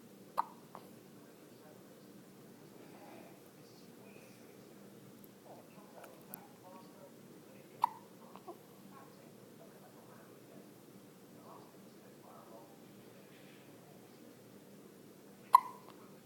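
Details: Hiccups recorded on a mobile phone: three brief, abrupt catches of breath spaced irregularly over quiet room noise, with soft vocal sounds between.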